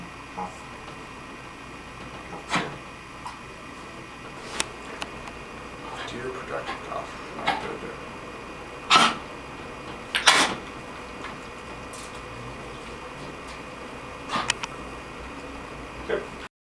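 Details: Dog Hector with kennel cough: a few scattered wet productive coughs with gagging and swallowing in a quiet room.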